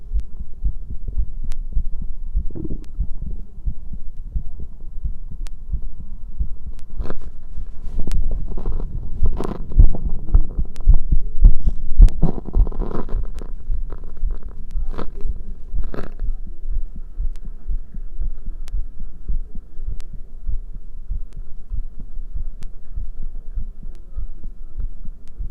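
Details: Visibly twitching chest with soft, low, repeated heartbeat thumps heard at the chest, with some rustling handling noise midway; heart sounds.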